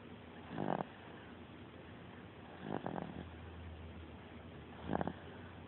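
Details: 4-month-old baby asleep: three soft, brief, rattly snoring breaths over a steady background hiss; infant snoring.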